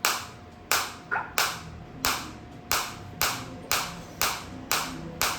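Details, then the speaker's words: Focused (not radial) high-energy shockwave therapy device firing on the demonstrator's own body at raised intensity, about 9–10: loud, snapping cracks repeating a little under twice a second, slightly uneven; he feels them deep inside. "अब मेरे को काफी अच्छी intensity आ रही है। मेरे को बहुत अंदर तक फील हो रही है शॉर्ट आती हुई।"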